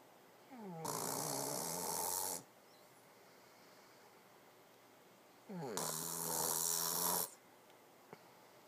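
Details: Two long snores about five seconds apart, each a rising, whistling rattle turning into a hiss, over steady room hiss, from a sleeping subject called cute; snoring.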